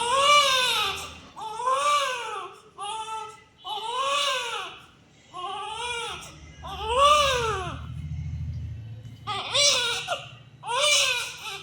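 Rhythmic high-pitched wailing cries in repeated bursts with brief pauses for breath, typical newborn crying; a sound-effect recording.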